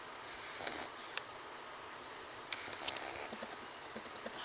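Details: Pug snoring: two hissing, whistly breaths through the nose with faint snorty clicks, about two seconds apart.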